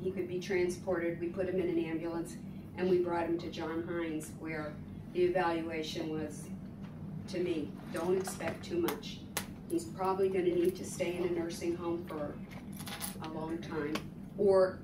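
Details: Adult woman; typical speech.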